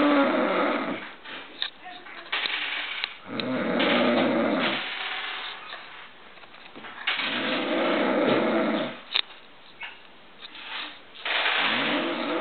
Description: My mom and aunt both fell asleep and so i put them in a contest to see who could snore louder my mom won.